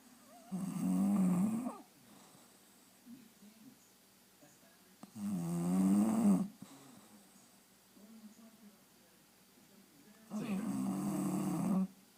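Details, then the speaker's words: Bulldog snoring while apparently awake: slow, fluttering, throaty snores roughly every five seconds in a quiet room. "Cena. Why are you snoring? You're awake. Cena."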